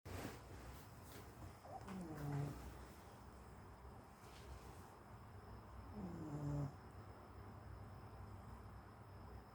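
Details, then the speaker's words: Two slow, low rattling snores over steady background noise from a sleeping pet, said to snore like a human: snoring. "Get up. You snore like a human, Babos."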